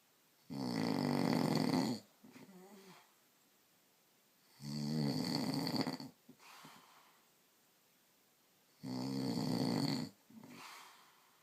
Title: Snoring husband